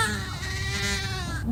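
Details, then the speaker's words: Sustained, strained, tense cry of an infant played as an example of a pain cry, usually from a bloated stomach in neonatal colic; crying without apparent reason. "nah kayaknya enggak nyaman ya kayaknya ada Kay Ada yang sakit ini biasanya sih Karena e perutnya kembung gitu ya itu paling sering terjadi pada bayi yang mengalami neonetalkolik gitu"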